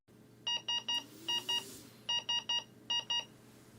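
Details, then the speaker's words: Vivo 65 ventilator high priority alarm: bursts of three electronic beeps followed by two more, repeated with a pause. "a high priority alarm is denoted by three signals followed by two more"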